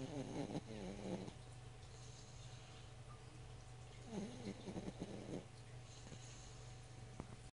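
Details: One-year-old girl (a twin) asleep: soft, rough, fluttering breath sounds in two bursts over steady room hum; light snoring.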